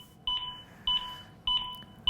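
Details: A ZOLL AED Pro paces CPR on a training manikin with steady beeps about every 0.6 seconds, roughly 100 per minute, and faint compression thuds in time, during a 2-minute cycle.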